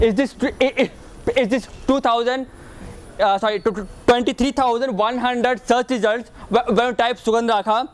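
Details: Speaker giving a talk as a person who stammers; stuttering.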